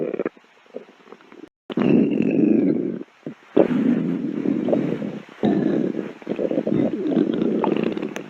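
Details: Person's stomach growling for three minutes: low gurgling rumbles in irregular bursts with brief pauses; stomach growling (borborygmi).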